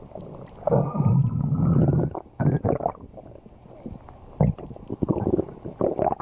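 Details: Low rumbling and gurgling bursts, loud and prolonged at first, then intermittent; normal stomach growling (borborygmi) from gut movement.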